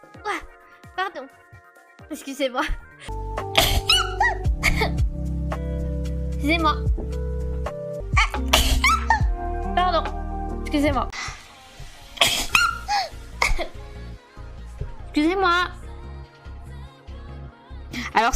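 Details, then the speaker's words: Series of quick sneezes amid French speech ("pardon, excusez-moi") over background music; the sneezer remarks sneezing more on live stream than off; repeated sneezing. "marrant parce que j'ternu plus en live que hors live je sais pas pourquoi"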